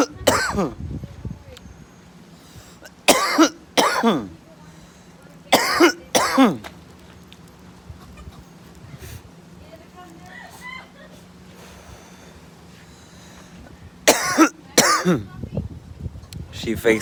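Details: Voluntary coughs in a playful coughing contest: sharp, forceful coughs in pairs, with quiet stretches and faint room noise between them.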